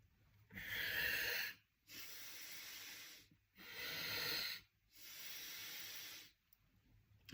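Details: Maximal inspiratory pressure measurement with a threshold inspiratory trainer (Powerbreathe type), breathing out through the nose: two long loud hissing breaths in through the resistance, each followed by quieter breath out, about 19 a minute.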